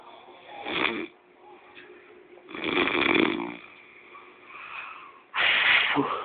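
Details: Loud, rasping snoring in three bursts with quieter breathing between them, from a man; ordinary snoring.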